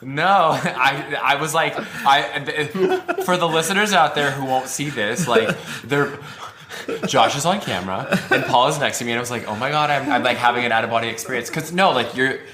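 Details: Adult speaker; normal speech.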